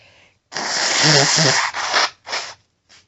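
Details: Woman announcing her own very powerful sneezes aloud; a forceful voiced sneeze, then two shorter sneezing bursts and a final small huff, with nose blowing too. Strong, normal sneezing.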